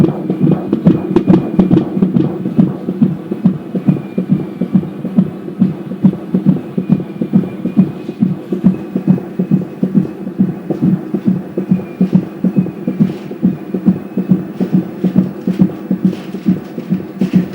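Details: Fetal heartbeat at 18 weeks 6 days (5th month) on an Angel Sounds home Doppler: rapid, regular whooshing beats at about 140 per minute, normal for mid-pregnancy.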